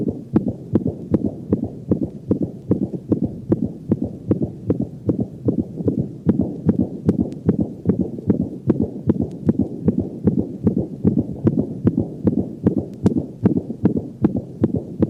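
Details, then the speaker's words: Dog: rapid regular heartbeat with a high-frequency decrescendo diastolic murmur beginning with the second heart sound (aortic insufficiency), played at slow speed and then increased to a normal rate. "notice how the normal heart sound pattern is disrupted by this high frequency diastolic murmur listen to the murmur of aortic insufficiency played at slow speed and then increased to a normal rate"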